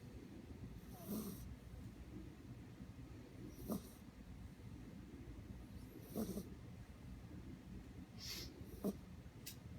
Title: Snoring DustBunny